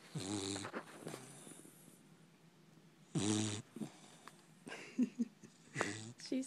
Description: My puppy loves to sleep and when she does she snores.